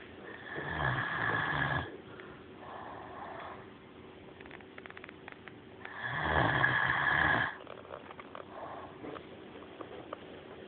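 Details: Great Dane Maximus asleep: two long, rattling, low snores about four seconds apart, separated by quieter breathing; dog snoring.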